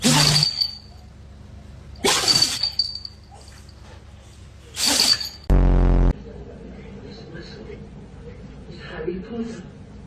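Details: Compilation of animal sneezes: several sharp, explosive sneeze bursts with a brief tonal sound effect and background noise; ordinary sneezes.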